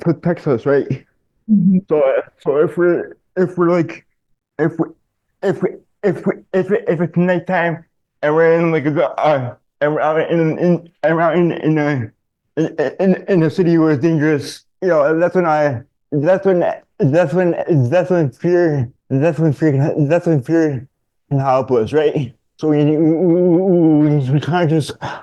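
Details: Adult man diagnosed in childhood with dystonia, a neurological disorder affecting mobility; speech in dystonia with word and phrase repetitions.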